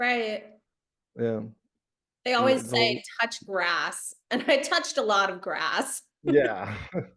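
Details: Adult woman speaking; normal speech.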